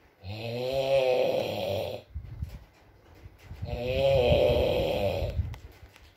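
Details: Sleeping adult man: two long, loud, vibrating snores on the in-breath, about 20 breaths a minute, with quiet exhalations between and soft rain-like background noise in an ASMR recording; snoring.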